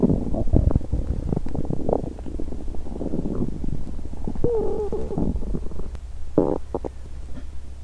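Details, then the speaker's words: Woman fasting over 17 hours, period due that day and abdomen bloated: growling and gurgling from an empty stomach; hunger borborygmi. "At this point, I haven't eaten anything in over 17 hours. "Ah~, I'm hungry~"."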